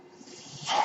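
A soft airy hiss that swells sharply near the end, like a rush of delivered air: part of a home ventilator breath cycle.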